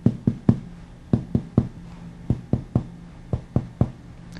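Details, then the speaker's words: Sharp finger taps in triplets on the chest of a supine patient with increased AP diameter, percussing medially from the anterior axillary line at the fourth intercostal space; a resonant-to-dull change marks the left heart border. "begin percussing from about the anterior axillary line and move medially to be here business of the lung change to dullness do you notice the change at that point"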